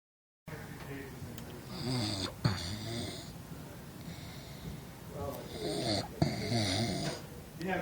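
Rough, rattling snores on the in-breath, about two in eight seconds, with room noise between them. Snoring.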